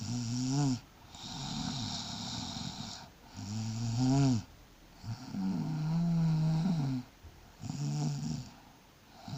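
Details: Snoring by a pregnant person. Loud, low, vibrating snores on each breath in, about four in nine seconds, with hissing breaths out.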